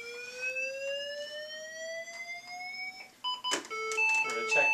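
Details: Lifepak defibrillator charging to 150 joules into a defibrillator analyzer: rising electronic whine while charging, then a series of ready beeps; normal charging sound.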